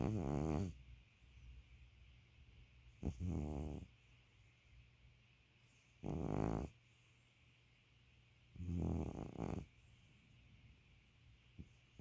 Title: Just an old geezer snoring